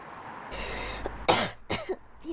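An audible breath in, then two short, sharp coughs, with faint background noise.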